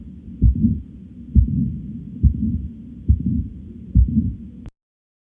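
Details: Heart sounds through a stethoscope: steady beat about 68 per minute with a low continuous rumble between beats.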